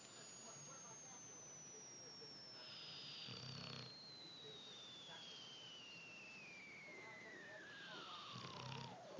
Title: Snoring dog